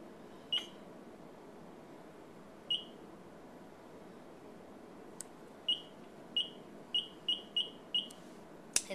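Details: Infusion pump keypad: about nine short high-pitched beeps, irregularly spaced, as buttons are pressed while programming a secondary IV piggyback (150 mL/h rate, 55 mL dose limit) on a primary IV pump.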